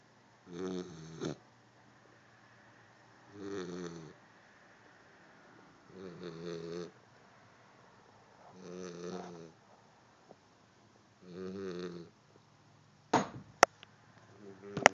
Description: My pup snoring away...